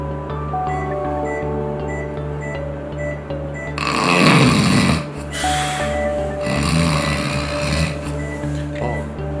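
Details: Two loud, rough snoring breaths over steady background music, heard during drug-induced sleep endoscopy (DISE) for snoring and sleep apnea, with the jaw pulled forward: snoring.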